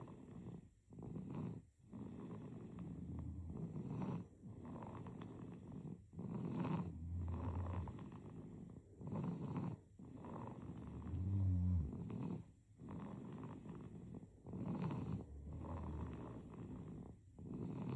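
Soft, rapid rattling snores with each breath, roughly every second and somewhat uneven; noisy breathing of a sleeping baby.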